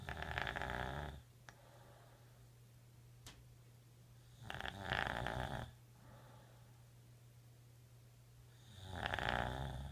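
Loud, rough snores on each breath in, about 14 a minute, with quiet pauses between; ordinary snoring.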